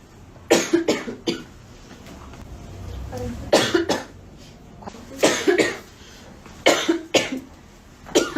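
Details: Woman with an ongoing cough during a live sale, apologising and saying she needs cough syrup: repeated bouts of harsh coughing, about a dozen coughs in clusters of two to three with brief pauses.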